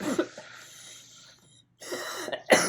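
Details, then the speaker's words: Muffled wet coughs with suction hiss as a suction catheter is passed down a tracheostomy tube until resistance is felt, coughing provoked by tracheal suctioning to clear mucus. "now that's the resistance. You'll start coughing."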